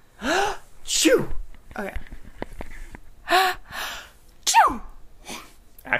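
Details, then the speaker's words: Several acted sneezes performed on request, trying different sneeze sounds: each a sharp intake, then a burst of noisy air, with small vocal sounds between. "try and uh do a do a different sneeze sound if you can okay"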